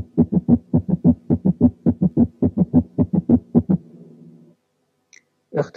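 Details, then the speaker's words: Gallop rhythm given as a quiz case: rapid, regular low heart thumps grouped in threes from an added heart sound. "أقول لكم كده: رقم واحد كان opening snap، رقم اتنين كان gallop، رقم تلاتة كان wide but variable splitting of the second sound في حالة right bundle branch block، رقم أربعة كان third hard sound من غير tachycardia."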